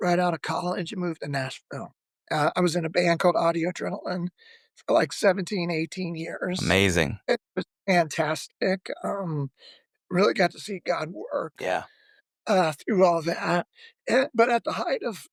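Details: Adult male former lead vocalist who began losing his voice at the height of his singing career, with spasmodic dysphonia, the disorder audible in his speaking voice; spasmodic dysphonia.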